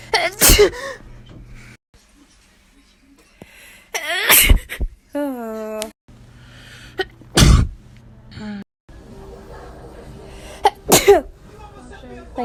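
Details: Child sneezing several times, sharp bursts separated by pauses, with squeaky voiced sounds and quiet room hum between; ordinary sneezes.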